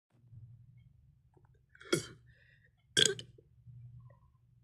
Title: #belching #gassy #burp